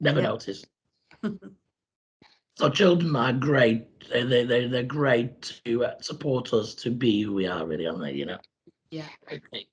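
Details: Man after total laryngectomy who presses a button to talk and also uses oesophageal speech: laryngectomy voice (tracheoesophageal speech).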